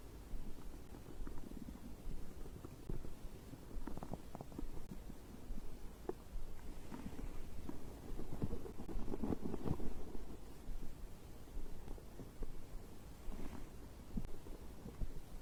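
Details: Abdominal digestion sounds recorded after drinking a beverage: low, irregular gurgling and rumbling; ordinary bowel sounds.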